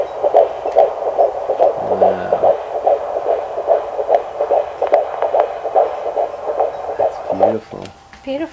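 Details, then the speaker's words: Fetal heartbeat heard on Doppler at 16 weeks of pregnancy, with the uterus the expected size: rapid, regular whooshing beats at about 143 beats a minute. "wow that heartbeat's pumping wow hearing that little heartbeat Alysa and I sort of just had to like pause for a minute"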